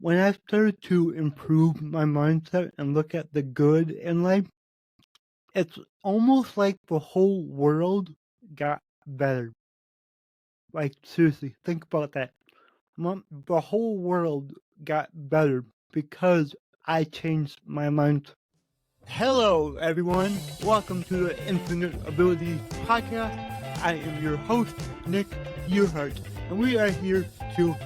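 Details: Adult man with cerebral palsy affecting every muscle of his body; he says his speech is much better than 8 months earlier and improves as his health improves; mild dysarthria (cerebral palsy).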